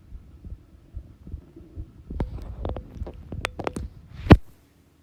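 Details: Normal resting heart sounds, a slow heartbeat recorded at rest: soft, slow, regular low thumps, then handling clicks and a loud knock.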